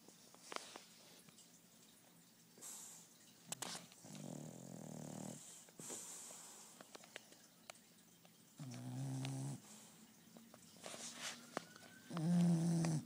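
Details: Two sleeping bulldogs, aged 1 year and 5 months, napping: deep, rattling snores in drawn-out bursts with quiet gaps between breaths; ordinary dog snoring.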